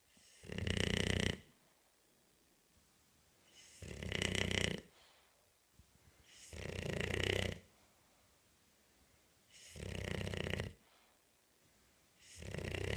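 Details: Loud, rough, rattling snores recurring regularly, about 20 per minute, with quiet pauses in a small room: a bulldog snoring.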